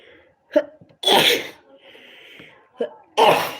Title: Allergy sneezing fits